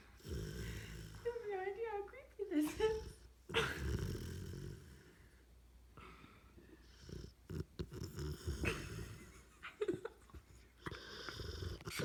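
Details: Sleeping dog snoring with eyes open and blinking; owner wonders if it is a seizure. Irregular snorting, groaning snores with whistly, squeaky breath noises and some room sounds.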